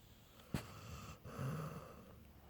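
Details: Snoring: a low, rattling snore on one breath, starting with a sharp snort, from the upper airway.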